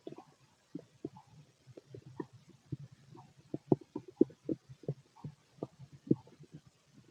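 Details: Male stomach during ordinary digestion: irregular gurgling, bubbling rumbles from the belly in quick succession, stomach growling (borborygmi).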